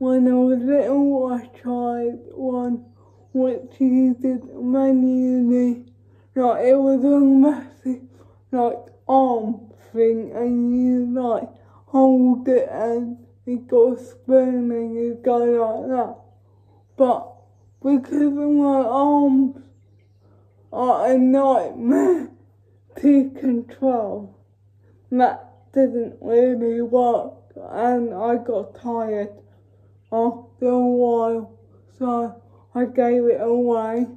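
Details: Female with cerebral palsy talking while feeding herself with a Neater Eater feeding aid; no speech disorder is named: dysarthric speech (cerebral palsy).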